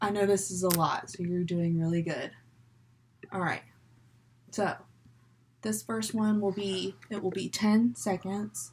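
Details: Adult female speaker; normal speech.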